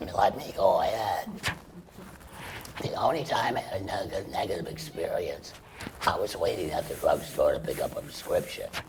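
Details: Adult male laryngeal cancer survivor after chemoradiation then total laryngectomy, breathing through a stoma, speaking with a tracheoesophageal puncture voice prosthesis; tracheoesophageal speech after total laryngectomy.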